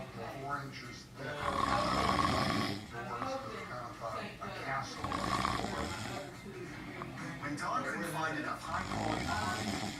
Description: My sister takes a nap on the chair while watching TV and her snoring immediately starts!